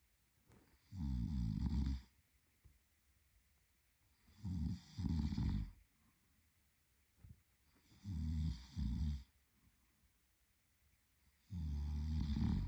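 Loud, low rattling snores on each breath in, some split into two parts, about 17 breaths a minute, with quiet breaths out between.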